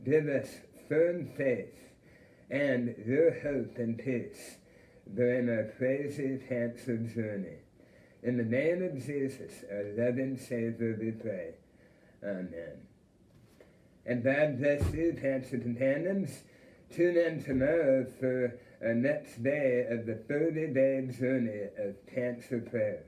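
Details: Adult male with a self-described speech impediment after cancer treatment years ago, apparently including removal of his entire tongue followed by radiation; articulation impairment after glossectomy.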